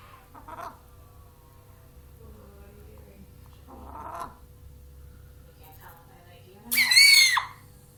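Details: Sneezing chicken; owner jokingly wonders about coronavirus.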